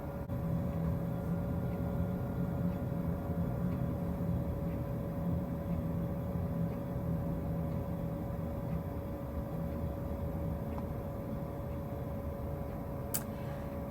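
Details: Avea ventilator during setup extended self-test (EST), no patient connected, patient circuit Y blocked with cap: steady low mechanical hum with constant tone as circuit self-test runs.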